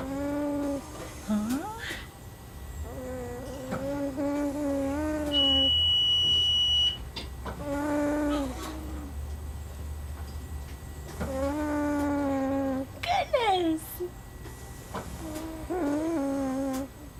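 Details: Jabbering and cooing from a boy just over one year old with Werdnig-Hoffmann disease (described as a type of muscular dystrophy), using a Passy-Muir tracheostomy speaking valve he has practised with for a couple of weeks; louder than previously heard.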